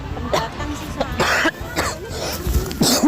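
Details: Acted coughing fit by a man in an outdoor park prank, pretending his illness has relapsed and asking for a pharmacy: several harsh, throaty cough bursts mixed with voice.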